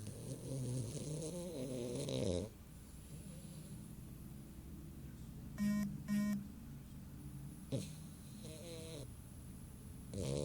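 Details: Female dog snoring with her eyes open: low rumbling breaths with a few short squeaky whistles over room noise.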